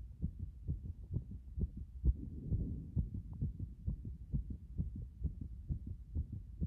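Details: Heartbeat after a hot bath: strong, pounding low thumps, fast at about 130 a minute and fairly regular, a rapid, forceful heartbeat.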